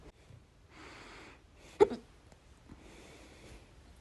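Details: Loud hiccup: quiet breathing with a single sharp, abrupt gulping sound in the middle.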